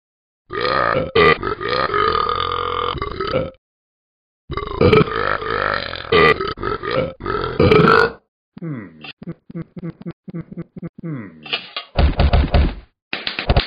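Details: Talking Ben the Dog app for iPhone and iPad, a cartoon dog character imitating burping: a series of long, loud, rumbling belches, some drawn out and others short and choppy.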